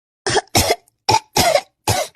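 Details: Simulated cough acted for a comedy skit about catching a cough in winter: five short, harsh cough bursts in quick succession.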